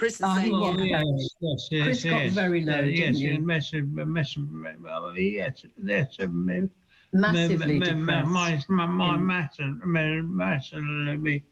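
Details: Adult male actor with severe aphasia after a stroke, largely unable to speak: aphasia.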